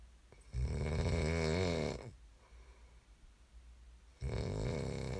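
Two loud, low, rattling snores on breathing in, separated by a quieter breath out; ordinary sleep snoring.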